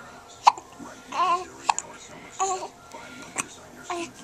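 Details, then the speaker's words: Hiccups from a little boy: repeated sharp, abrupt voiced hiccup sounds amid soft vocal noises. He is also spitting up and yawning. Recorded with a Flip Video camcorder. "Oh, you got the hiccups."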